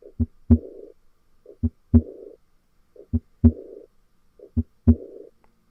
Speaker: as you can hear you hear the S2 dub then you hear the onset of the high-pitched blowing murmur and it gets softer over time until we get back to the S1 lub and then during systole there's silence because this is a diastolic murmur so that's aortic regurgitation